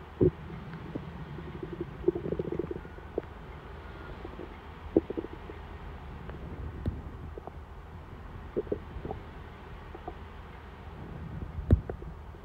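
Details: Hungry stomach before dinner: low gurgling rumbles with scattered short pops and squelches over a steady low hum; normal bowel sounds (borborygmi).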